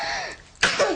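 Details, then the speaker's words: Young child during a chest physiotherapy session gives a single short, sharp, very dry cough with no wet rattle; the therapist notes the cough is extremely dry. "donc vous entendez, la toux est archi sèche."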